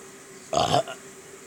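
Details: One short, low, croaking belch lasting about a third of a second over quiet room noise; a man burping.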